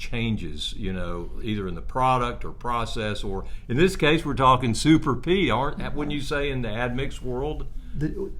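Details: Adult male speaker; normal conversational speech.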